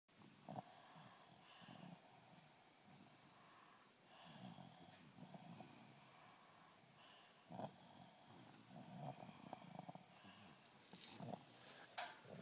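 Soft, rough breathing noises with faint snorts over a hissy background; quiet snoring.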